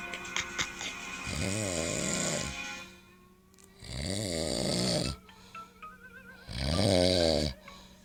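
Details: Loud, rough snores about three seconds apart, about 20 a minute, from a sleeping father, with a television playing in the background; snoring.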